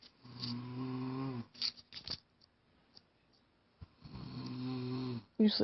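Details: Female friend asleep, snoring: two long, buzzing, vibrating breaths about four seconds apart in a quiet room.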